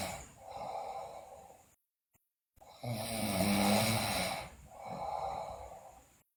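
Loud rough breathing noises in slow cycles with a brief pause; snoring during sleep.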